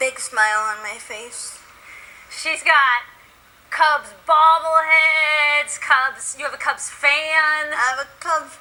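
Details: Adult woman speaking; normal speech.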